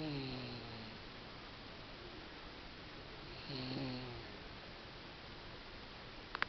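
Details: Snoring at 6 months of age: two soft, low rattling snores a few seconds apart against quiet room noise.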